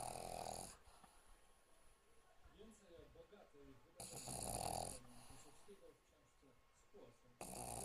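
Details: Pug snoring: raspy, wheezy snoring breaths recurring every few seconds with faint quiet sounds between.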